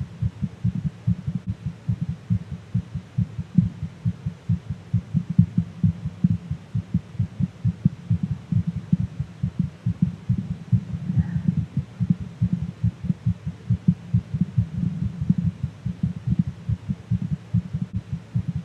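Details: Rapid, steady low heart thumps with a faint hum, captured during a livestream and described as too fast to be calming; a normal heartbeat at a fast rate.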